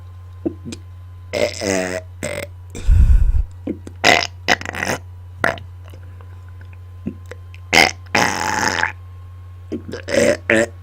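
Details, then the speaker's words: Deliberate burping on command into a microphone, sounds intense: repeated loud deep belches, some long and drawn out, over a steady low background hum; burping. "I am burping into my microphone today so the sounds may get a little intense"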